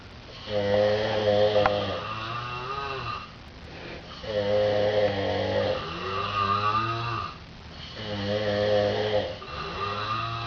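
Loud, buzzing, rattling snores on each breath, about 16 a minute; snoring.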